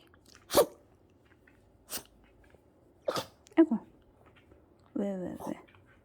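A few short, sharp nasal bursts from a dog, in the manner of sneezes, with a brief whine at the end; quiet room.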